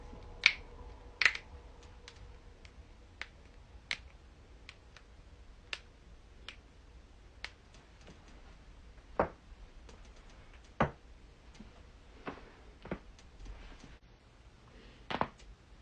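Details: Run of sharp cracks and clicks, some louder than others, as spinal joints pop during a back adjustment; harmless joint cavitation.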